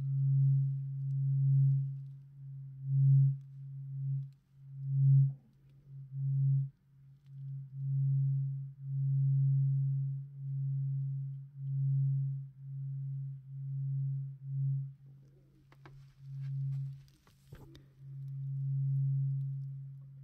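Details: Simulated ASMR roleplay ear exam: a struck tuning fork gives a steady pure low hum that swells and fades as it is held near each ear to compare left and right, after an ear check noted mild redness and some earwax.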